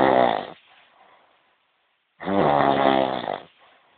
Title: snoring.3gp